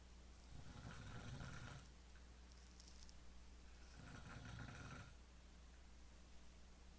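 Two low, rumbling fluttering breaths in, about three seconds apart, with steady low room hum; snoring.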